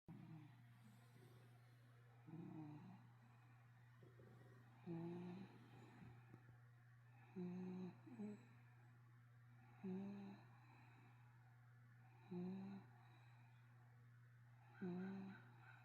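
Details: 12-year-old, 25 lb terrier/Corgi mix sound asleep, snoring quietly: soft, regular snores about every 2.5 seconds (about 24 a minute) over a steady low hum; snoring in a small dog.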